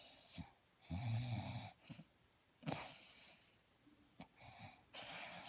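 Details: Person sleeping contentedly: irregular snorting, rattling breaths with a low vibrating snore and soft whistly exhalations; snoring.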